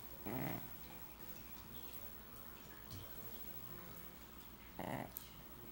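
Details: Pug snoring while asleep: two short snorting snores about four seconds apart over steady room noise.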